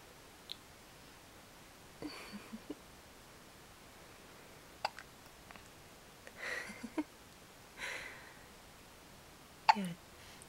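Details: Recurring hiccups ("not again"): several short, abrupt hiccup sounds at irregular intervals in a quiet room.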